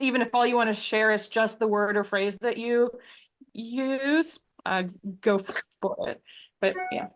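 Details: Stuttering in an adult man who stutters.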